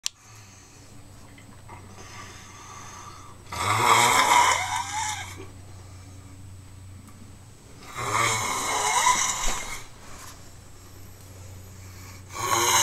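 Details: A person snoring: loud rattling snores on inhalation every four to five seconds, about 13 breaths a minute, with quiet exhalations between over a low room hum.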